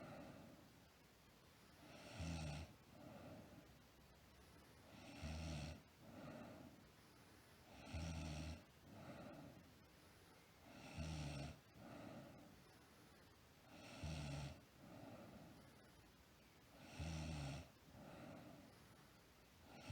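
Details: Sleeping girl snoring steadily at about 20 breaths a minute: a low rumble on each breath in, then a softer breath out.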